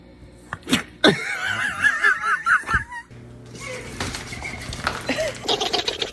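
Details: A few short, sharp sneezes from a dog over background music and human laughter.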